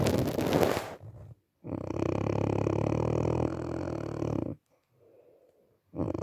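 Loud, rough, rattling snores lasting several seconds, with short pauses between breaths.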